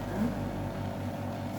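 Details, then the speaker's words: Steady low motor hum of a suction machine switched on and set to 80 before suctioning with a size 16 catheter, in a simulated adult patient nursing demonstration. "setelah itu saya coba Nyalakan ini berarti on ya Iya saya Nyalakan"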